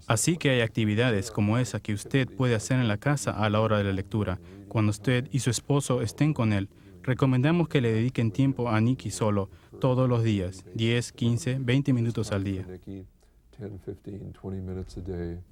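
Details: Adult male speaker; fluent adult speech.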